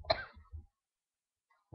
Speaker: I have the cough. It's very bad.